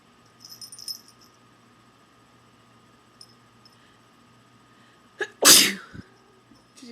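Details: A single sharp, forceful sneeze triggered by pepper after a quiet stretch, with faint background sounds and a cat nearby.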